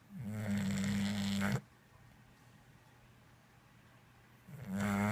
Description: English Bulldog snoring